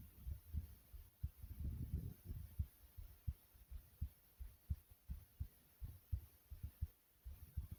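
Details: Normal resting heartbeat.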